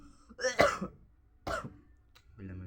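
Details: Person who apologizes for coughing constantly gives two short coughs with some throat clearing, followed by a brief voiced sound; a cough.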